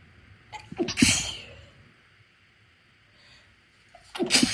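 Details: Induced sneezes during a cold after a persistent tickle in the left nostril: two sharp, hissing sneezes, each led in by quick catching breaths, with a quiet gap between.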